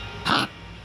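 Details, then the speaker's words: Dog named Harley (female) with a recently started cough, coughing while playing and biting: a single short, harsh cough burst amid quiet room noise. "вот такой кашель у нас начался"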